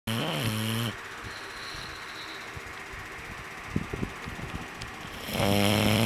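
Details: Female bulldog who snores every night: loud, rough, buzzing snores at the start and end with quieter breathing between; heavy snoring in a flat-faced dog.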